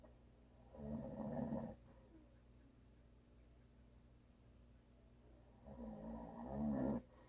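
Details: A husband who is a habitual snorer, asleep: two loud, growling snores about five seconds apart with silence between them.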